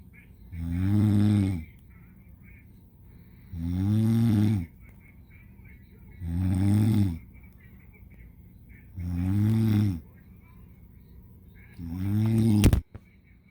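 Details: Snoring in an adult woman (the recorder's mother) asleep: loud, low, rattling snores on each breath in, about five, roughly 20 breaths a minute.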